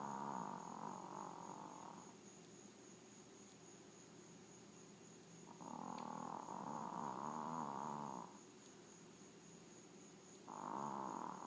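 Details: Small Maltese dog snoring while asleep: regular buzzing, rasping snores, loud for its size, about 12 breaths a minute, each lasting a couple of seconds.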